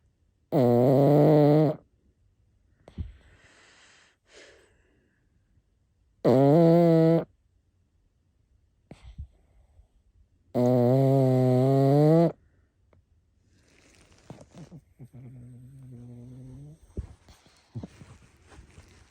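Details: Snoring from a sleeper of unstated sex or species (man, woman or dog): three very loud, rattling snores on breaths in, with quieter breaths out between them.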